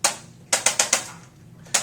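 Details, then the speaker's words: Six sharp mechanical clicks, four in quick succession, from a handheld chiropractic impulse instrument giving light pressure taps on the spine of a woman 39 weeks and 2 days pregnant, lying face down on pillows during a pelvic adjustment. "this instrument is called an impulse instrument and it's just light pressure that's placed right on the spine"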